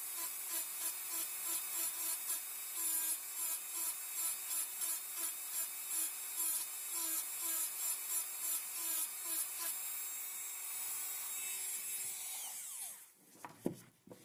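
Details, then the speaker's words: High-speed dental handpiece doing multiplanar occlusal reduction of the mesiolingual cusp on a typodont mandibular first molar (#36) for a full veneer crown: high whine with rapid rhythmic grinding strokes, stopping near the end. "So we have completed the mesial slope reduction for the mesiolingual cusp. Now we will do the distal planar reduction."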